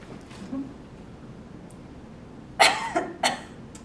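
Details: Simulated post-operative cough exercise by nursing students, splinting with a pillow to clear mucus and prevent pneumonia; two short, restrained coughs in a quiet room.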